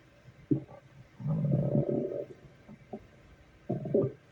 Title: Stomach growling at work.